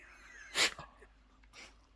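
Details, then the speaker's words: Small dog with a bout of repeated sneezing (about 10 in a row): a single sharp, hissy sneeze followed by a softer snort. "he was worried about you you did like 10 sneez you just tell the Snee in [Music] the you just like tell Snee all together 10 sneezies all together that was"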